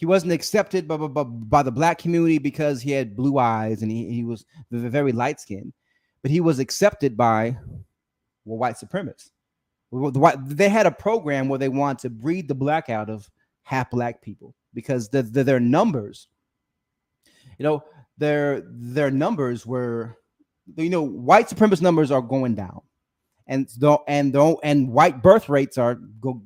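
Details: Stuttering in an adult man who says he has a speech impediment, during a live stream.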